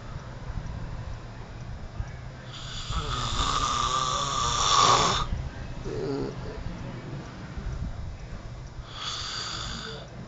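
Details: Roommate snoring at 12:00 pm: loud, harsh, rattling snores on the in-breath, with shorter noisy breaths between them, heavy snoring from upper-airway vibration during sleep.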